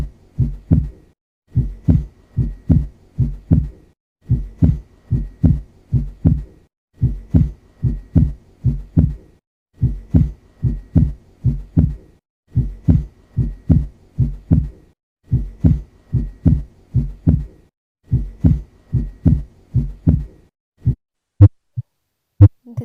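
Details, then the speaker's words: Stethoscope auscultation of repeated, low thumping beats in a normal pattern of first and second heart sounds: normal heart sounds. "So these are the Normal heart sounds which you are listening right now you can listen each heart sound for one minute"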